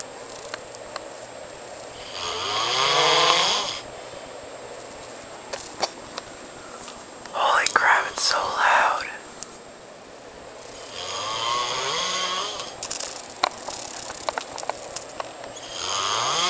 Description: I video taped my friend snoring in his sleep its so loud and hilarious!!